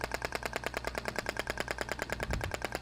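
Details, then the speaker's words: Thork radial shockwave applicator (IBRAMED) in a practical training demo, moved over a muscle region to distribute the final shots: rapid, regular clicking pulses at about ten per second. "com aplicador Radial tô distribuindo a esses últimos disparos eu vou fazer movimentando Se necessário né o aplicador na região da musculatura"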